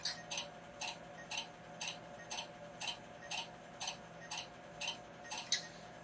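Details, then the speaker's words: Laser tattoo removal while the operator slowly traces the tattoo lines: steady sharp ticking pulses about twice a second over a faint machine hum. Lack of popping means low energy, and the energy is increased until pops show ink absorption. "and when you hear that it's not popping you want to increase the energy a little bit because you want to hear a little bit popping sound that it's absorbed"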